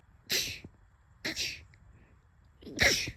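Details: Three sharp, hissing sneeze bursts, each with a quick intake before the explosive release; ordinary sneezes.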